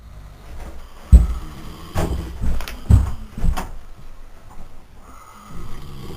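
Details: Two sleepers at night: irregular low rumbling snores and snorts during sleep with faint room noise between: snoring.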